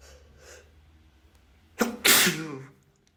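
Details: Male sneezing, from a sneeze compilation; a quick breath in, then one loud explosive sneeze that fades out.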